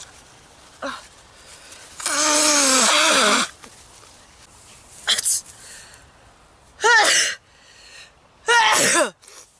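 A run of four sharp sneezes, each with a loud burst of voice, in quick succession; an allergic sneezing attack.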